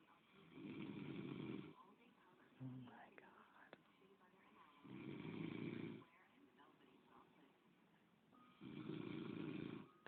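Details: Three rough, rattling inspiratory snores about every four seconds from a sleeping man, with quiet whispered commentary between them; ordinary sleep snoring.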